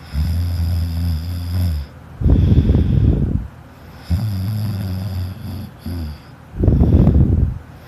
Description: I found an older video that my sister made of me snoring wen I was a kid. I snored pretty loud when I was a kid but not as loud as I do now!